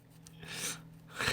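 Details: Small sneeze from a young male K-pop idol during a broadcast, from a compilation of his cute sneezes: a quick indrawn breath followed by a short, hissing burst of air.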